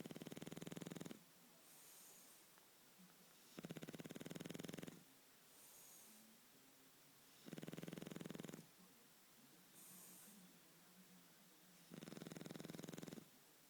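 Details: Shar Pei dog snoring in sleep: loud rhythmic snores on each breath, about four cycles in fourteen seconds, with soft whistling between them.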